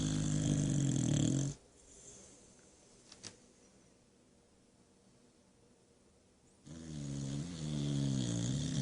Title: Ruff life for Cruz the boxer who's snoring after busy day at park. Snoring like an old man